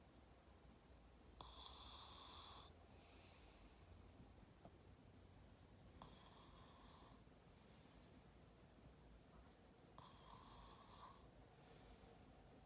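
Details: Brother's snoring: three harsh, raspy breaths about four seconds apart over a steady background hiss, about 15 a minute; snoring.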